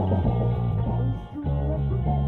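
Guitar-driven rock music sounds muffled and dull, with the treble missing and a brief drop in volume, simulating reduced hearing in both ears.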